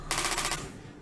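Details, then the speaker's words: Rapid, harsh, jackhammer-like clatter of pulses for about half a second, then fading: a radial shockwave therapy device firing, a clinic device suited to superficial conditions about 2 inches deep. "so typically when you hear about shock wve therapy in nth America or in Canada most of the places when they talk about shock wave they're using this guy sounds like a"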